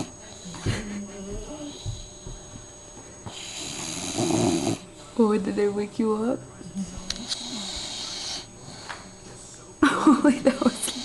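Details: Bulldog asleep after a long day at daycare, snoring loud enough to hear from the office: loud, harsh rattling snores between quieter breaths, with brief voices and music in the background; snoring.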